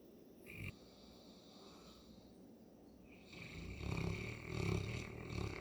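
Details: Mabel, a St. Bernard dog whose allergies are hitting hard, snoring: deep, rumbling, croaking breaths with a brief squeak early on.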